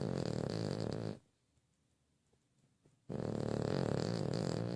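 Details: Loud, rattling snoring with a fluttering low rumble, broken by a two-second quiet pause, from a sleeping dog: snoring.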